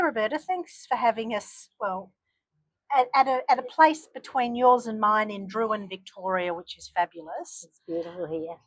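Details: Adult woman speaking; normal speech.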